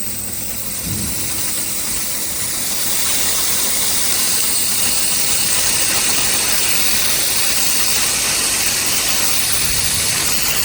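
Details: Nebulizer steam treatment for a coughing child who fell asleep during it: steady loud hiss with motor hum of the running nebulizer.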